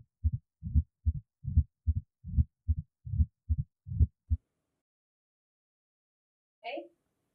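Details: Mitral stenosis on cardiac auscultation, with the patient turned onto the left side holding the breath: a regular low-pitched heartbeat near 74 a minute, a sharp first sound and a low diastolic rumble.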